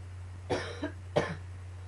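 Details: An adult's coughing fit, combined with allergies and a few sneezes: two loud, harsh coughs over a steady low hum.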